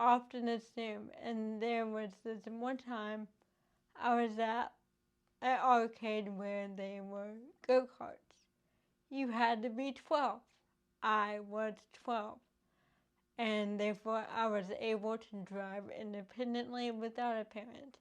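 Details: Adult woman with cerebral palsy caused by lack of oxygen and bleeding in the brain before birth, affecting her motor skills including speech; currently in speech therapy using an IOP device to strengthen mouth muscles: dysarthria (cerebral palsy).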